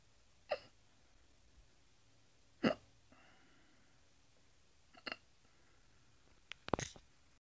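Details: Four sharp, abrupt gulping sounds about two seconds apart in a quiet room from an adult woman after eating pizza, roughly 25–30 per minute: hiccups.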